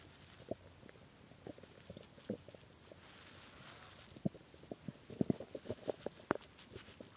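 Scattered gurgles, pops and short rumbles from the belly, growing busier toward the end; stomach growling from hunger, a normal bowel sound.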